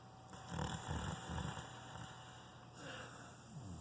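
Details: Dog snoring while sleeping: three low, rumbling snorts in quick succession, then quieter noisy breaths, over a steady background hum.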